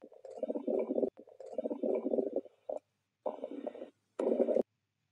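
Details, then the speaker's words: Nursing teaching example of hyperactive bowel sounds heard with a stethoscope: frequent, loud gurgling bursts in close succession, more than 30 a minute. "you can hear more than 30 bubble sounds per minute"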